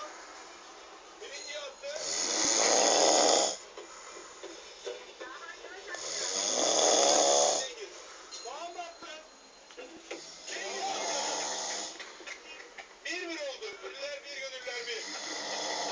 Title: Seer who snores